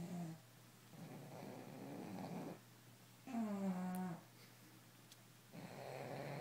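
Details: Rhythmic rough snores on each breath, one with a pitched whistle, alternating with quiet pauses; a sleeping bully-breed dog snoring all night; snoring.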